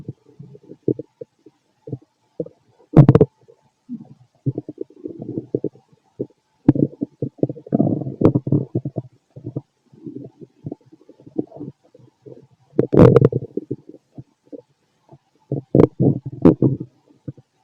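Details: Frequent gurgles and rumbles with a few louder bursts from a fit adult male's stomach, recorded with a stethoscope; ordinary active bowel sounds of stomach growling.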